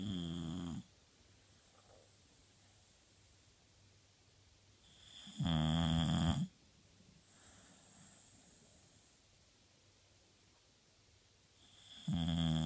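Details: Deep, rumbling snores on each in-breath from a sleeping Australian Bulldog, about 10 a minute, with quiet out-breaths between; snoring.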